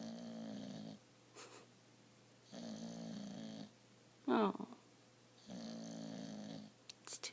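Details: Sleeping person snoring: steady droning snores roughly every 2.5 seconds, about 24 a minute, with a brief squeaky sleep noise between them.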